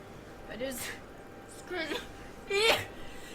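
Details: Three quick sneezes in a row from a girl, each a short voiced catch then a soft burst of air; a rapid run of sneezes.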